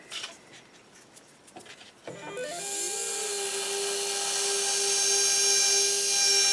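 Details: Brief scrape, then a steady high-pitched whine rising slightly in pitch, with faint background music: a 1.2 mm pilot drill preparing one of six maxillary osteotomy sites for SATURNO narrow diameter implants in a demonstration.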